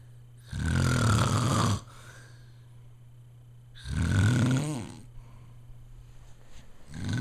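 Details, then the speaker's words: Dad snoring loudly enough to be heard in another room, with family suggesting a sleep study: loud, rumbling snores on each in-breath, about 18 a minute, with quiet pauses between; snoring. "I got Dad on tape snoring. Alright. Turn down your TV so he can hear how we could even hear it in here."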